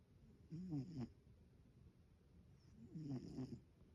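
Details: Sleeper apparently eating in her dreams, then snoring: two soft, throaty rumbling breaths about two and a half seconds apart.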